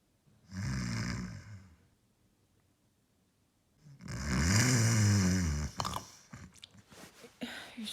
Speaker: Babe. Babe. You're snoring.